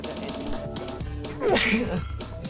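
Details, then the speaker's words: Single sneeze from an adult gamer whose allergies are flaring, sneezing directly into the microphone: a loud, sharp burst over upbeat game music. "Excuse me, bless me. Sorry, I missed the hotkey. It's now the second time that I've sneezed directly into the microphone."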